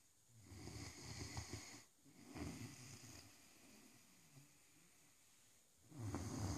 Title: Rosco the Great dane snoring 😄